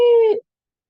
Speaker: Stridor is due to upper airway obstruction. It's going to be a very loud, shrill sound that sounds something like this.